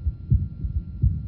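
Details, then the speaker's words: Normal heart sounds through a stethoscope. The recording is described as a 17-day-old boy with breathing and limb-movement sounds, though it may be an adult at the lower left sternal border. Soft, regular low thumps over a faint hum. "we will now listen to his normal heart sounds at the age of 17 days"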